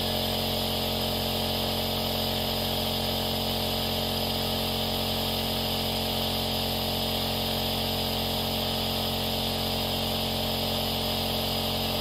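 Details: Nebulizer compressor running continuously, recorded as a baby sleep sound: a steady mechanical buzz and hum with a soft airy hiss, like a gentle, more delicate hairdryer.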